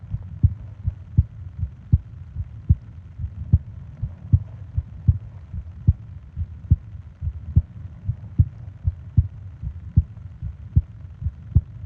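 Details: Sleep ASMR heartbeat and breathing recording: steady low thumping heartbeat about 76 a minute with soft background hum; regular, normal rhythm.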